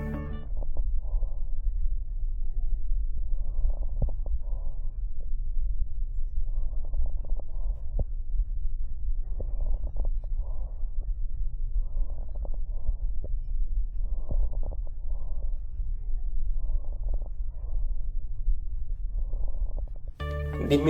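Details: Repeated hollow, blowing breath noises over a low steady hum: bronchial (tubular) breathing, transmitted through lung with atelectasis, consolidation or pulmonary fibrosis.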